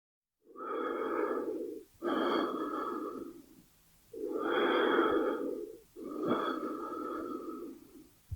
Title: Breathing Sound effect, Lungs movement, Human Body - Sonido de la Respiración con la Radiografia